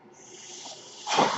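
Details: The podcaster's own mechanical ventilator: a soft airy hiss builds, then a louder rush of air sweeps in as it delivers a breath.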